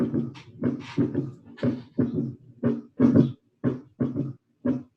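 Vocal imitation of a heart rhythm: repeated pairs of voiced thumps, about 30 beat groups a minute, mimicking the gallop of a third heart sound (S3).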